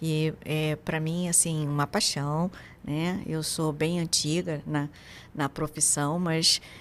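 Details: Adult woman speaking; typical speech.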